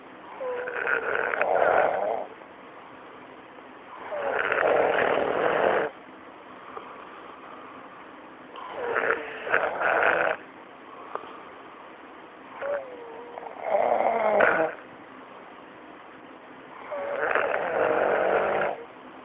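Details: Loud, rhythmic snoring with about five rattling breaths spread through the recording, separated by quieter pauses: snoring.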